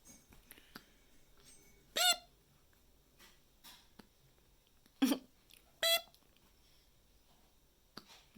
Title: LAB RAT 365: Baby Hiccups